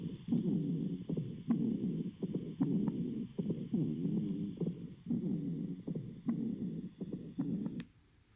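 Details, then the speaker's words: Infant with bronchiolitis: rapid, noisy breathing with low musical, whistling tones running through each breath, a wheeze. "Now, patients often have a wheeze, and I'll show you what this sounds like."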